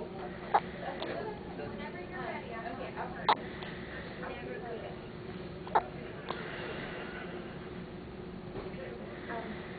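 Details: A newborn boy on his first evening, who also had hiccups in utero, gives three short, sharp hiccups a few seconds apart over a steady background hum and faint talk: hiccups.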